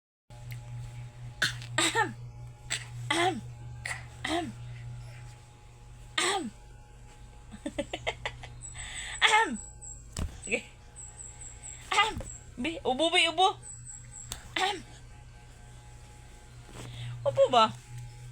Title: December 18, 2025 Our Baby attempting to having a Cough 😂😘🥰